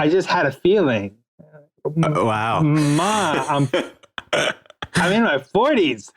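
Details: Adult man, a writer interviewed on a podcast, whose stutter is noted as audible throughout the interview; real, not acted. Finding: stuttering.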